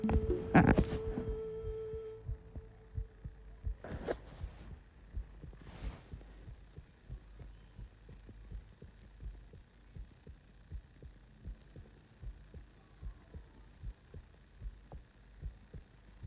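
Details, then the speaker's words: Person's own heartbeat recorded with a phone pressed to the middle of the chest: handling noise, then faint, regular, fast soft thumps; heartbeat. "So there's a video that I was watching here on TikTok, and they said that if you put like, you can hear your heartbeat through your phone."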